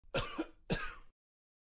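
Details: Two short, harsh coughs in quick succession, each with a sudden onset and rough, throaty tail.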